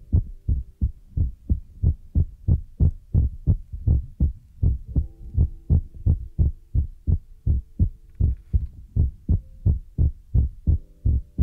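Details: Heartbeat sound used as an ASMR relaxation trigger: steady, regular, low paired thumps at about 88 beats a minute in a quiet background.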